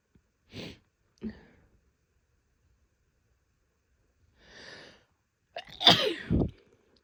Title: Stifling pregnancy sneezes (F)